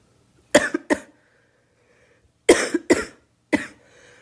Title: Girl coughing 252